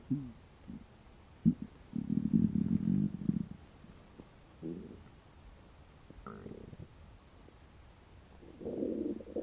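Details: Hungry stomach growling after about 12 hours without eating: quiet, irregular low gurgles and drawn-out rumbles over faint room noise; borborygmi.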